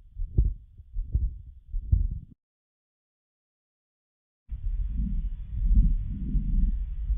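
Child's heartbeat at about 78 a minute with a low, continuous rumbling murmur filling the gaps between beats.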